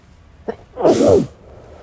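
A brief inward catch of breath followed by one sharp, explosive burst of air: a single ordinary sneeze.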